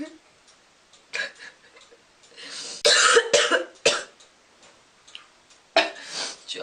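Several short, harsh coughing bursts with throat clearing, separated by pauses.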